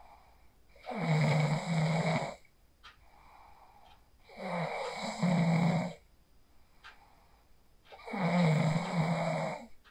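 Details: Real sleep snoring recorded on a phone after practicing the 4-7-8 breathing technique: three loud, rough inspiratory snores, about 17 breaths a minute, quiet out-breaths between; ordinary snoring.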